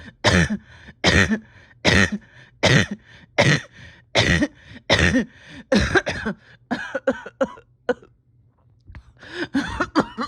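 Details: Painful cough from a patient reporting a tight chest and steady oxygen levels after a rough weekend: a quick run of about a dozen harsh, forceful, strained coughs, a pause, then a final cough.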